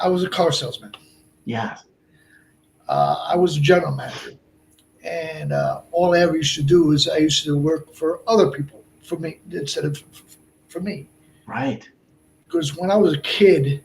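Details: Man of about 57 with Broca's aphasia from a stroke on March 22, 2011 at age 46, more than 8 years post-stroke; also a heart transplant recipient.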